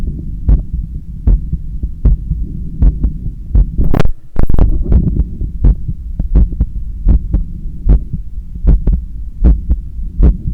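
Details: Own heart sounds through a stethoscope held on the chest during bicep curls with a resistance band: regular heartbeats at about 79 a minute over a low hum, with brief rubbing noises from the chest piece.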